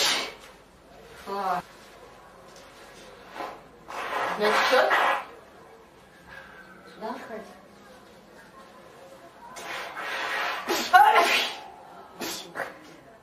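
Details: Four girls sneezing: several loud, explosive sneezes from different people with brief voiced intakes between them and room noise in the background.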